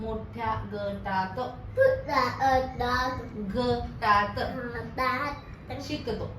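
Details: Deaf speech in a hearing-impaired boy during a speech therapy session.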